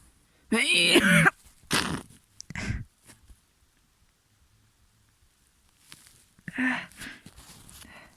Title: Snotty Sneezes and a Nose Blow.